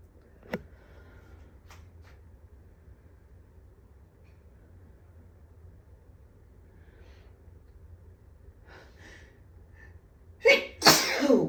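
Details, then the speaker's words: Dust allergy sneezing after waking from a nap with headache and watering eyes: quiet sniffs and catching breaths build to a forceful double sneeze. "Oh, wow. Bless me. Oh. Whew. These are strong today. How to sneeze."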